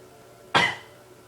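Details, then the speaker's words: One sharp, abrupt cough burst with a quick fade, against faint room noise, from a speaker who says they are sick today. "I'm sick today sorry for my voice sounds different and like I'm coughing and stuff"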